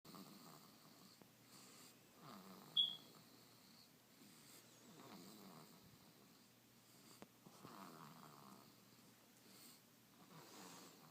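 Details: Baby snoring: soft, rhythmic snores with each breath and a brief higher squeak partway through, in a quiet room.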